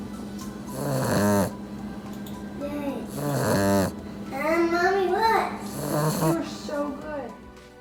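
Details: Puppy napping after playing hard, snoring loudly: rhythmic snoring breaths, with a child talking and music in the background.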